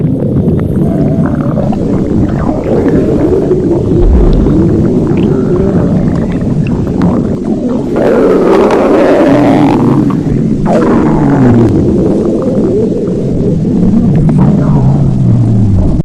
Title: stomach growling Adventures #1